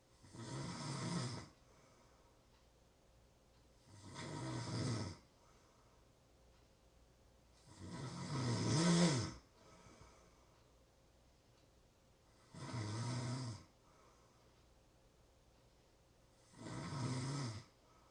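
Slow, rumbling snores on each breath in, about 14 a minute, in a quiet room: snoring.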